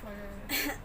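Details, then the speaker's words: Adult female patient gives a single short, sharp cough on request during thoracic assessment and stethoscope auscultation for abnormal sounds such as crackles and wheezes; voluntary cough. "now i'm going to listen for abnormal sounds such as freckles and wheezes and for coughing so can you"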